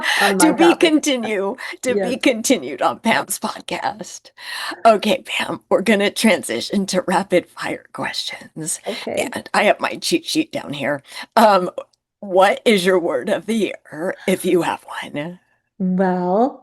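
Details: Adult woman with spasmodic dysphonia, which she calls a neurological condition. It is long-standing enough that talking this way has become her normal, and people often can't understand her on the phone; spasmodic dysphonia.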